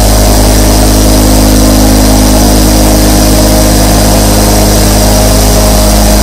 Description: Dive into a world of tranquility with the gentle hum of 24 nebulizers in this immersive sleep experience.